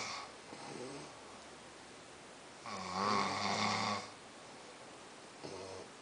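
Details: Two sleepers snoring, one a softer snorer: a rattling snore on the breath in, followed by quiet; ordinary snoring in sleep.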